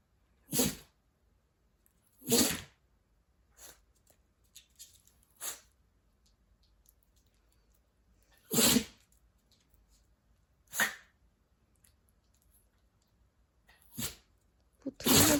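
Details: Seven short, sharp, explosive bursts a few seconds apart in a quiet room; repeated coughing in a small pet, owner worried about the sudden run of coughs.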